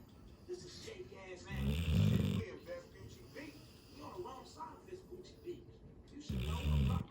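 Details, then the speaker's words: Labrador dog sleeping on a bed, snoring on while someone calls him: loud, rough, low rumbling on breaths, with quieter voices and sounds between. "такой ужасный голос что он не понимает кто его зовёт продолжает храпеть Это очень смешно"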